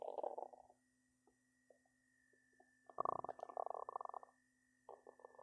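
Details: Person's belly growling a lot: bursts of gurgling, bubbling rumbles with quiet gaps over a steady faint background hum; stomach growling, borborygmi.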